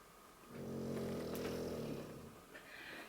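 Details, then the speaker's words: A dog snoring in the room, heard while its owner talks; the snoring is compared to an adult dozing after Christmas dinner. "can you hear my dog snoring"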